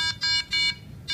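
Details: Automedx battery-powered miniature ventilator for low-resource pandemic settings, switched on during demonstration: repeated high electronic beeps, four tones in about a second; normal power-on start-up tone.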